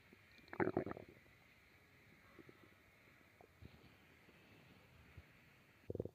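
Gurgling stomach growls, a longer rumble at the start and a short one at the end; ordinary bowel sounds.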